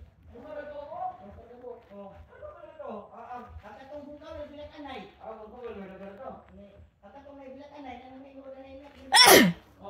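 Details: Single loud, explosive sneeze near the end after quiet talk; nose tickled to provoke sneezing, with nose blowing, Philippines.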